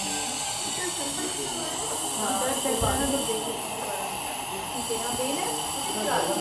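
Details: Child in hospital receiving nebulizer treatment for an infection, possibly from smoke or caught from a child at school; steady hissing airflow with faint background voices and music.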